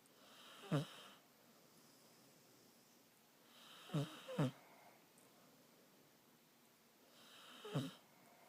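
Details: Stella snoring while sleeping with her head on someone's shoulder: brief rattling snorts recurring every few seconds with quiet breathing between; irregular snoring in a quiet room.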